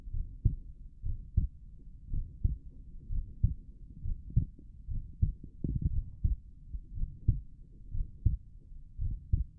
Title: Visible heart auscultation in left lateral decubitus position